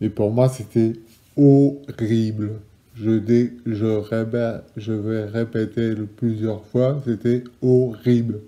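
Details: Adult man with Broca's aphasia after a stroke eight years ago and a second stroke six months later, initially with total loss of speech and about ten words, formerly severely aphasic; Broca's aphasia.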